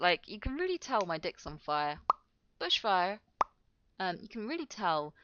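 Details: Adult woman speaking; Vocal tics (Tourette syndrome).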